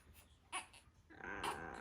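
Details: Soft fussy whimpers from a one-month-old baby boy, rising into a brief cry while stretching after waking; the baby often gets hiccups.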